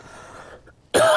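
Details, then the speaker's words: Adult with a cough persisting after two weeks of vacation; chest X-ray normal; blood pressure medication changed to see whether the cough stops; after a quiet moment, one loud, harsh cough, cut off at the end. "As you can hear, I'm still coughing. Um, I had a chest X-ray done because I don't know why I'm still coughing."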